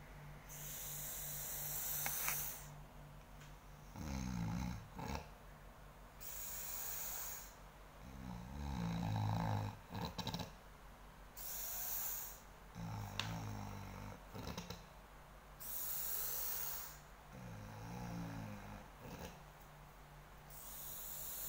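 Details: Sleeping person recorded snoring: loud, rattling snores on each breath in, about 13 breaths a minute, with a steady hiss in between; snoring that disturbs others' sleep.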